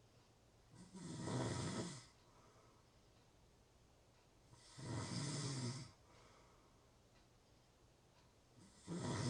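Regular loud, rumbling snores about every four seconds, roughly 16 a minute, with quiet pauses between; ordinary snoring.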